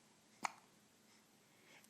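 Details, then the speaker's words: Three-week-old infant boy with baby acne, awake and in a good mood: one brief, sharp hiccup in a quiet room; hiccups. "hi can you smile even though we got hiccups hi sweetheart can you smile"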